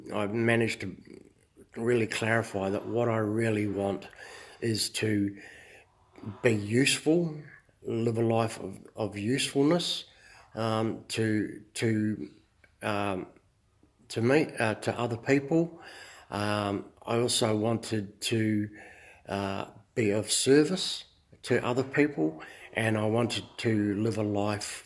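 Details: Adult man who says he stutters a little; mild stuttering.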